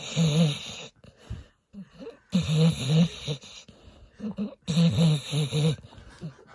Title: Snoring Dog